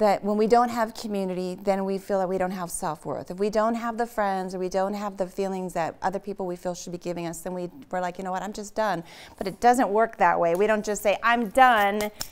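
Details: Adult woman speaking; ordinary speech.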